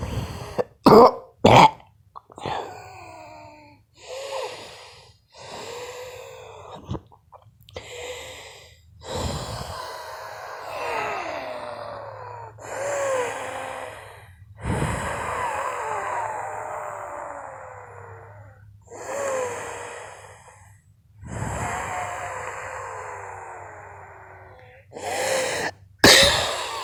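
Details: Wheezing, attributed by the person to allergies: noisy breathing with high, whistling musical tones on the breaths, plus a few sharp coughs.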